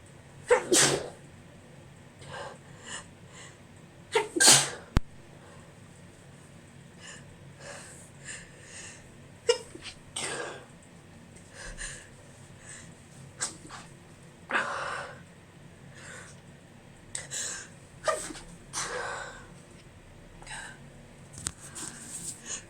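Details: Adult female after a tiny amount of sneezing powder (chhikni), nose irritated all day: a run of repeated, mostly stifled sneezes with sniffs and breaths between; allergy sneezes.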